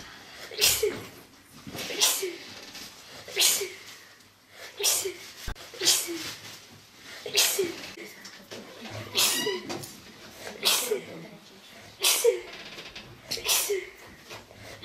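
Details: A 15-year-old girl with paroxysmal, nonstop repeated sneezing for about a week to ten days, referred between hospitals: a rapid run of about ten sharp sneezes, roughly one every 1.4 seconds, each with a short intake.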